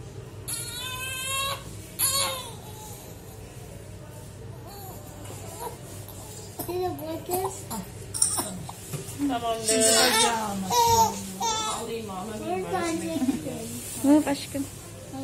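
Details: Two-month-old premature baby boy crying right after his second vaccination, which included three injections; high-pitched, intense bursts of crying over room noise and background talk.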